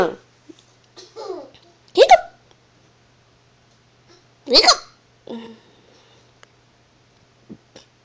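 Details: Young child with hiccups: sudden, sharp voiced gulps, two loud ones a few seconds apart, between soft babbling in a quiet room.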